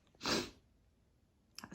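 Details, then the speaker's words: Single sharp, explosive sneeze in a quiet room, followed by brief soft noise; sneezing triggered by a Christmas candle with pine, orange and cinnamon notes. "um this candle always always always makes me season it's a Christmas candle and it has notes of fair like is it fair no it's not fair although it could be fair um considering how much it's making me sneeze"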